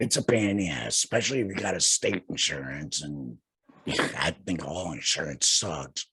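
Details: Male speaker who had laryngectomy surgery in 2020 and speaks without a larynx: alaryngeal speech after total laryngectomy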